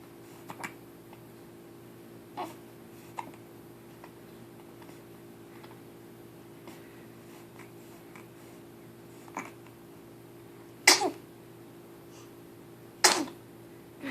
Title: Hiccups and Sneeze ... Again